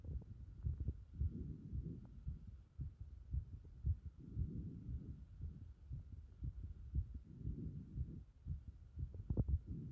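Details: Heart sounds after the chest was repeatedly pressed in: muffled low thumping beats at roughly 115 a minute, with rubbing and shifting noise in between.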